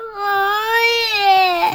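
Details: Young child crying: a single brief, clear-pitched wail.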